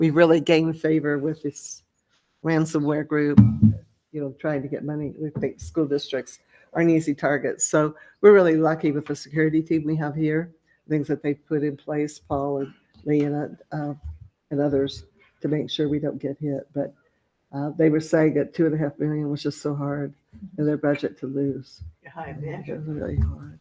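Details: Adult speaker; Normal voice.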